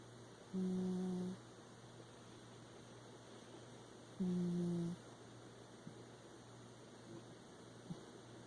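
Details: Snoring from Elijah, a cat napping: two low, steady, humming snores, about 16 breaths a minute, over faint room hum.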